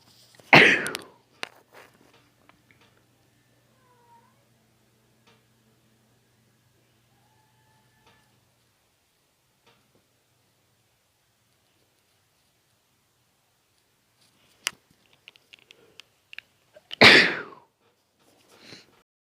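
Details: Two sharp, forceful sneezes induced by going near dust, person trying to make them louder, separated by a long quiet stretch with faint room noise.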